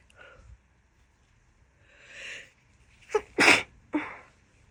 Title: worst summer cold of my life [F] - sneezing, nose blowing, rapid, wet and so exhausted..